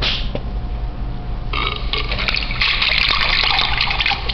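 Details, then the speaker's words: Vomiting: loud wet gushing and retching with splashing, quick but loud, ending in a burp. "here's a good old vomit"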